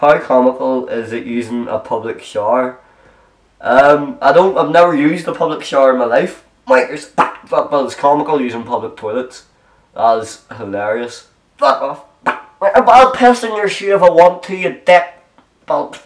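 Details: Vocal tics in an adult man with Tourette syndrome: real, involuntary sounds including vulgar words, left unedited.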